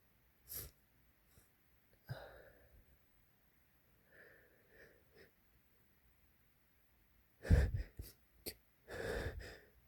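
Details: Man's hitching sneezes: soft catching breaths building before several sneezes, some wet.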